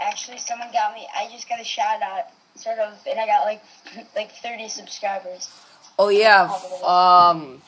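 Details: Young speaker in conversation; normal voice.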